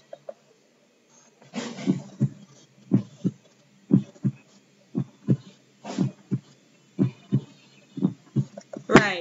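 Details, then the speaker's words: Regular paired lub-dub heartbeats at about 60 beats a minute: normal resting heart sounds. "so let me let you guys hear the normal heart zone so the normal height zone songs a bit like this"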